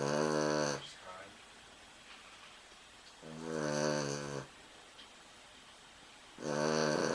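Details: Loud, tonal, droning snores from a sleeping dog, about one every three seconds, with quiet breathing between: snoring.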